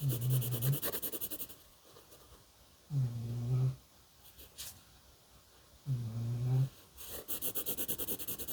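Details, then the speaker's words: A pet dog snoring while asleep. "Can you hear my dog snoring?"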